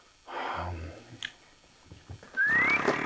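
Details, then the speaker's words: Husband with sleep apnea who normally needs a CPAP machine to sleep, dozing while sitting up without it, snores very loudly, like a construction site: harsh snoring. "아 근데 진짜로 코고리 소리가 진짜 크시긴 하네요 공사장 느낌이 확실히"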